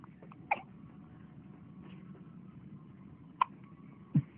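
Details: Hiccups: three short, abrupt catches of breath at irregular intervals over a steady room hum.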